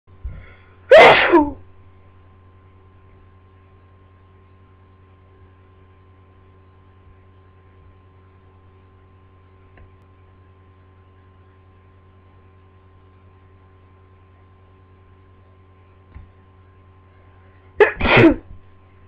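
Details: Person with a cold, their second in two months: two separate explosive sneezes with quiet room hum between them; sneezing.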